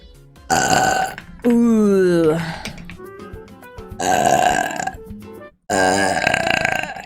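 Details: Several long, loud, voiced burps with falling pitch during a vtuber livestream, over background music; burping.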